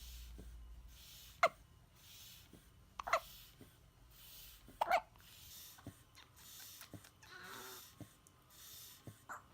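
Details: Baby hiccups: sudden short hiccup sounds at irregular intervals, with soft breathing and small noises between them.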